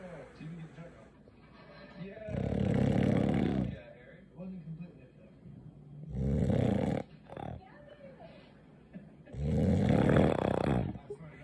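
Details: Woman snoring like a diesel motor: three loud, rough, rattling snores on the in-breath, about one every three to four seconds, with quieter breathing between.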